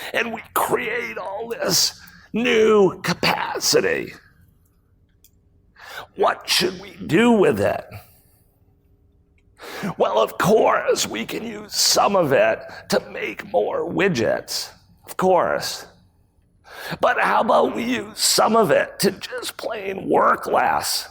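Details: Real case: a male CEO who acquired the rare voice disorder spasmodic dysphonia in 2010. His throat muscles spasm and contract when he talks, sometimes making speaking difficult. Recorded at a 2018 talk. Finding: spasmodic dysphonia.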